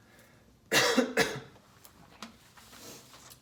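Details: Voluntary cough on request during a voice-disorder cranial nerve examination of an adult man who reports losing his voice and phlegm: two strong, loud coughs followed by quiet room sounds.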